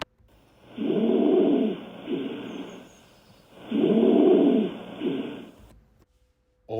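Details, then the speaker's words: Inspiratory stridor, a sign of airway obstruction, heard during chest auscultation with deep mouth breathing: a harsh honking noise on each breath in, softer on the way out, at about 20 breaths a minute. "when performing auscultations listen for inspiratory strider which can indicate airway obstruction"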